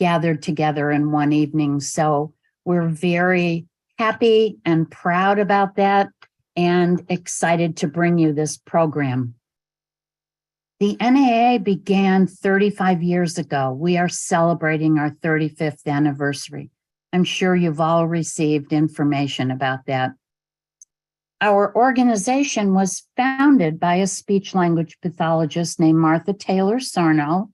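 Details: Adult woman speaking; none.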